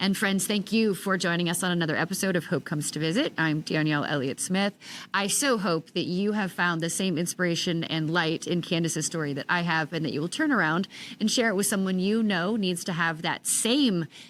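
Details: Adult woman speaking; normal speech.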